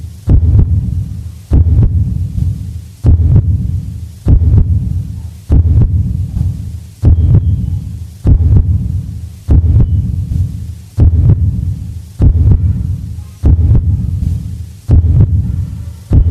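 Deep, regular heartbeat thumps at a slow rate of about 50 beats a minute.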